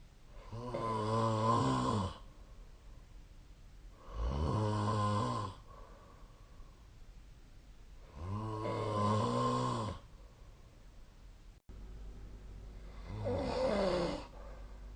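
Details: Loud, rough, rumbling snores during sleep, about 14 a minute, each lasting a second or two with quiet gaps between.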